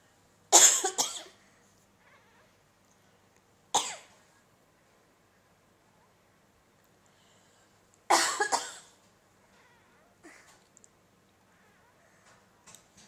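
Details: Human adult coughing three harsh single coughs spaced seconds apart in a quiet room; faint soft sounds between coughs. Plain adult cough.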